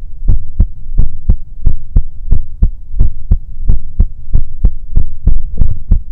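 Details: ASMR sleep-aid recording of a heartbeat, heard as if resting a head on the chest of a sleeping character: soft, regular low thumps at about 90 a minute with a faint steady hum behind them; a normal heartbeat.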